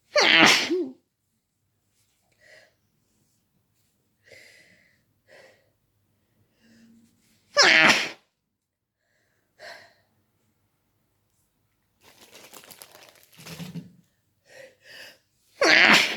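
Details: Adult feeling sick, woken in the middle of the night: three loud explosive sneezes with quiet breaths and sniffs between; intense rapid sneezing fit.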